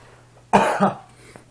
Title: Sneeze with eyes open